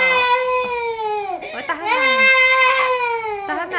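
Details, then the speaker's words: 16-month-old toddler crying after a mishap with a TV remote: loud, sustained wailing with catches between breaths while the mother soothes "tahan na"; ordinary distressed infant crying. "Naku po mapapalayas tayo ng kapitbahay par si in oh. Tahan na."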